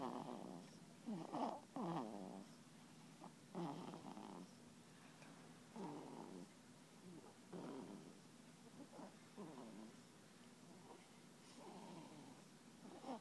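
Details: Baby boy under one month old, snoring in his sleep: soft, rattly, snuffly noisy breathing at about 30 breaths a minute over quiet room noise.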